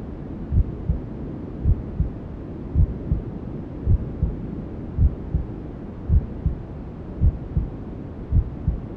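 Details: Mother's heartbeat with white noise and womb sounds, used to help a newborn sleep: steady, muffled paired heartbeats about 55 a minute under a constant rushing hiss.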